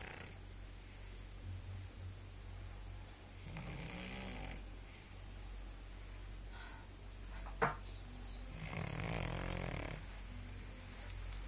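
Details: Sleeping pug snoring: soft snoring breaths with a brief snort over steady room hum.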